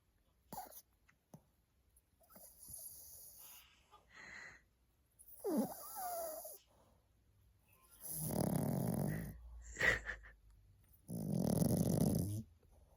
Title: 너 어제 뭐했어? snoring dog